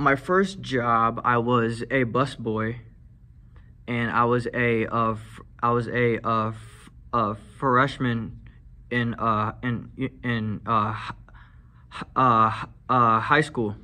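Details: Teenage male whose stutter was really bad as a high-school freshman and who uses medical marijuana to help manage it; stuttering with repetitions and fillers.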